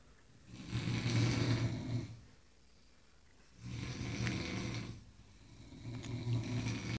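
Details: Engineers napping after a tiring day: long, low, rattling inspiratory snores with quiet pauses, about one breath every four seconds; ordinary loud snoring.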